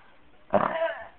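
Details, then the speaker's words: Person burping on command: a single voiced belch lasting about half a second in a quiet room; a burp. "this is burping on command"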